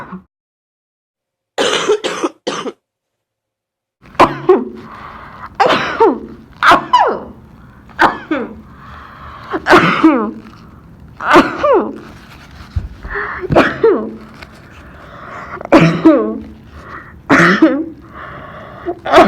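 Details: Ill student with fever of 39.2°C, congestion, very sore throat and sneezing, starting to cough up mucus: about a dozen harsh coughs in bursts with throat clearing, a loose, productive wet cough.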